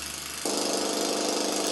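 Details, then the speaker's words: Simulated rising moderate hearing loss using the Starkey HLS hearing loss simulator app, with a lawnmower sound heard through the chosen audiogram setting. "go back into these audiograms let's go to Rising moderate and immediately you can tell that's quite a"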